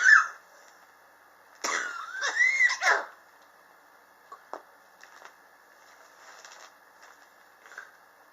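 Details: Chronic cough since summer 2016, still present in 2019, not helped by medicine or home remedies; the patient blames extreme temperature changes in a high-rise building. A short cluster of harsh, rough coughs, then quiet breaths and faint throat sounds.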